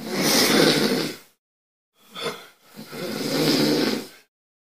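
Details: Two long, rough, rattling snores separated by a pause, from a sleeper remembered as a master snorer; snoring.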